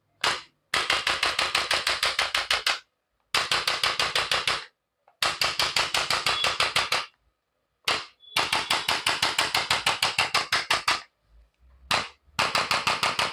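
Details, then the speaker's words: Chiropractic adjusting gun used on the knee of a patient with knee arthritis to correct alignment; rapid bursts of sharp mechanical clicks, about three per second, separated by short pauses. "The रोपट gun य gun से हम इनका जो align मेंट है य हम ठीक करेंगे"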